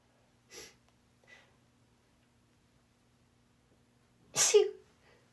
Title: persistent + ticklish little pairs of sneezes 🌼 (F)